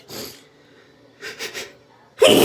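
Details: Three deliberately induced sneezes to relieve a very stuffy nose with a constant tickle because sneezes were getting stuck: a single burst, a quick double burst, then a loud, forceful, messy sneeze.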